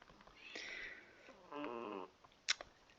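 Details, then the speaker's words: Female cat snoring beside the speaker, heavy snoring faintly audible under talk; snoring. "J'ai mon chat qui ronfle à côté. Je ne sais pas si vous l'entendez, mais elle ronfle beaucoup quand même."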